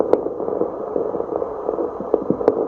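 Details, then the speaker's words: Fetal Doppler with the probe placed away from any blood vessel: steady hissing static with a few clicks and no pulse signal. "아무 소리 안 들려요. 그냥 치익 소리 대부분만 나."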